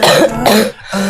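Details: Korean streamer coughing, attributed to asthma: two quick, voiced coughs in close succession.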